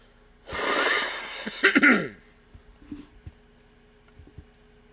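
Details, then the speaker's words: Adult woman still recovering from an asthma attack earlier: a rough, hissing outward breath breaking into a short cluster of harsh coughs, cough after asthma attack. "Alrighty, folks. First of all, if I sound like I got a frog in my throat, my apologies. I was going through a asthma attack earlier, and I'm still recovering from it."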